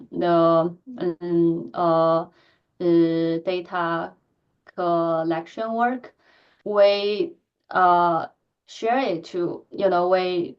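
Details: Stuttering in an adult woman who stutters, with repetitions and filled pauses; she reports physical tension when talking.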